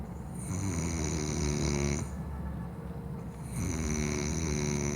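Loud, rattling snores on each breath, two long cycles with a brief pause between. Snoring.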